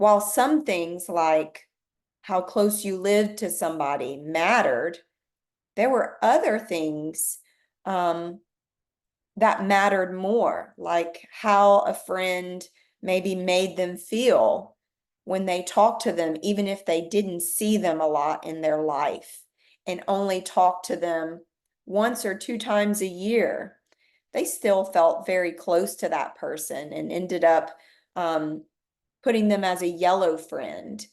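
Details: Adult woman speaking; ordinary speech.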